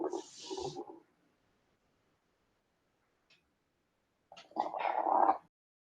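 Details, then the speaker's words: Recorded crackles on auscultation, played after normal bronchial breath sounds: two breaths separated by a pause, the second carrying brief popping sounds consistent with crackles. "now it will be crackles"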